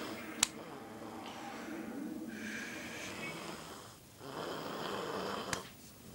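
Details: Snoring during sleep: two long, noisy, rattling breaths with whistly overtones and sharp slapping clicks in a small quiet room.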